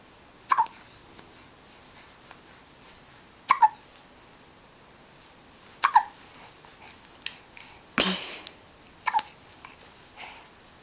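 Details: Short sharp catches of breath recurring irregularly, each a brief gulping click, with quiet room sound between: hiccups, jokingly likened to doing an Irish jig.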